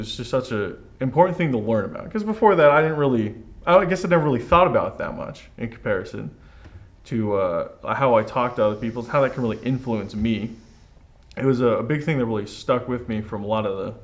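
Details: Adult male speaker; normal speech.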